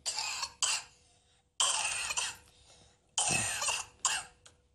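A child's repeated, harsh coughs come in clusters with brief pauses between them, in keeping with an asthmatic cough with wheezing.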